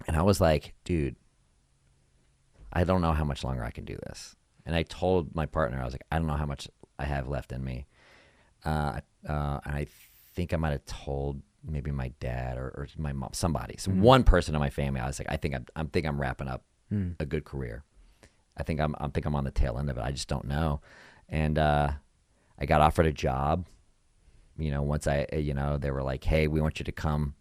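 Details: Adult male speaker; typical speech.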